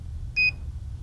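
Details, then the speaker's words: Philips HeartStart HS1 defibrillator maintenance alert: a single brief high-pitched chirp meaning the device needs attention, ready light off, not ready for use. "as long as the ready light is blinking and the heart start is not chirping you can be confident the heart start has passed its most recent self-test and is therefore ready for use if the ready light is not on and the heart start is chirping"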